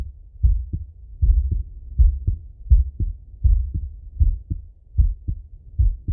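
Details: Full heart auscultation through a stethoscope on a male, recorded either sitting at a desk or lying in bed: clear lub-dub heart sounds at about 83 beats a minute with a steady rhythm, normal heart sounds.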